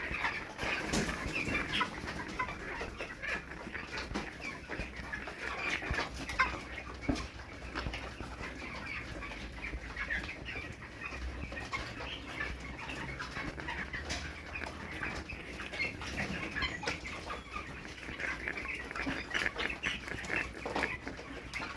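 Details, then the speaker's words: Chicken flock with suspected chronic respiratory disease (CRD), owner reporting heavy losses (11 chicks died today): flock chatter with frequent sneeze-like snicks, wheezing, coughing and rattly breathing. "is wizzing coughing and bad loss today I've lost so many chickens today so far I've lost 11 chicks"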